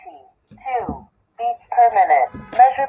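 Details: Spoken voice readout from an electronic digital blood pressure monitor with voice function after a home self-measurement reading 131/95: blood pressure monitor voice announcement.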